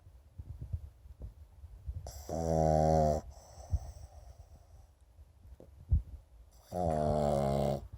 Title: Pug Dog Snoring